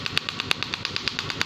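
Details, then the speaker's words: Rapid, regular sharp clicking pulses, about eight to nine a second, from an SW12 extracorporeal shockwave therapy handpiece treating a male client's problem thighs and toes (unclear in speech) for pain relief. "this is serene my customer he is here to do some shock wave on problematic ties and toes"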